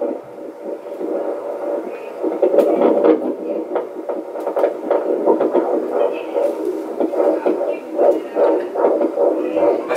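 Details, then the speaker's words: Fetal heartbeat on Doppler at 14 weeks of pregnancy: fast whooshing pulses over hiss at about 150 a minute, judged normal. "heartbeat mhm wow that's super fast that's normal 150 sounds good"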